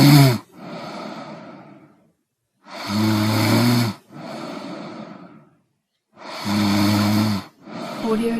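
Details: Snoring compilation: loud rattling snores on the in-breath, each followed by a softer breathy out-breath, about 17 breaths a minute.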